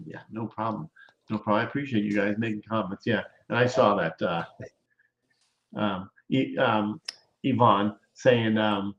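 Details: Adult male speaker; normal speech.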